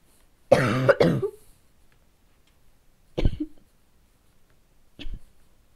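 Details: Child's harsh, voiced, bark-like cough followed by two shorter coughs in a quiet room, during a coughing fit; bad barking cough.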